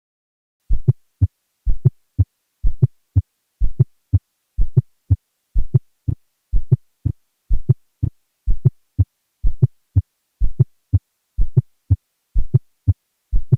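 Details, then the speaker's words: Fourth heart sound (S4): a soft, low extra sound just before each S1 in a regular rhythm near 62 per minute, from atrial contraction into a stiff, non-compliant ventricle. "to be caused by atrial contraction into a stiff and non-compliant ventricle as might occur with systemic hypertension LVH or esic cardiomyopathy"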